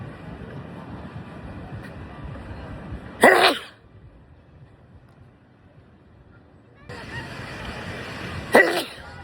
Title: Sneezing Loud 🤧 August Compilation